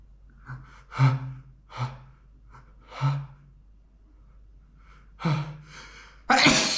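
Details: Adult man sneezing after exposure to dusty flowers: repeated voiced gasping in-breaths building up, ending in a loud explosive sneeze, a run of sneezing.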